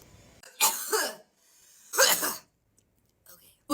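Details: Two harsh, wet-sounding coughs about a second apart after vaping, each a loud burst with a brief rattling tail, quiet between.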